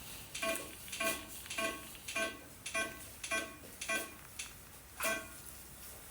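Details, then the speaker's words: Tissue crackling from an IgniteRF radiofrequency probe firing under the skin in non-ablative fat/fibroseptal contraction treatment: regular pulsed bursts, about 90 a minute, each a brief tone with crackling; patient moaning but not in pain. "you can hear the crackles that crackle by the way she's not in any pain she's just like that"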